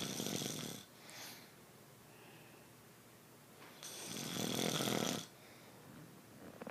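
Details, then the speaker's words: Loud rattling inspiratory snores with quieter breathing between, from a sleeping adult in a small quiet room; the partner wakes them and they deny snoring. "What are you doing? Why you snore so loud? I was snoring."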